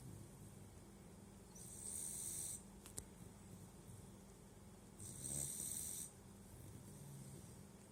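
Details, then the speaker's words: Sleeping puppy lying on its throat: soft, regular snoring breaths with a hissing snore on each breath over quiet room noise; snoring. "Вот почему люди храпят. Они передавливают себе дыхательные пути. Лежит на горле, поэтому храпит. That's why he's snoring. He just laying at his throat."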